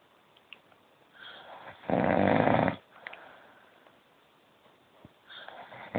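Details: Adult man (a dad) snoring in sleep: a single loud, rough snore on an in-breath, with quieter breathing noises around it in a small room.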